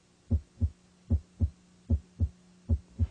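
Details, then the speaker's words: Normal heart sounds S1 and S2 auscultated during a head-to-toe cardiovascular assessment, using diaphragm and bell: regular paired lub-dub at about 76 beats a minute; S2 best heard at base, S1 at apex. "determine the patient's heart rate and rhythm and listen for the normal heart sounds s1 and s2 s2 is best heard at the base of the heart"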